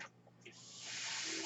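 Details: Speaker's own mechanical ventilator, heard during a podcast recording: a brief quiet pause, then a steady airy hiss swells and holds as the ventilator delivers a breath.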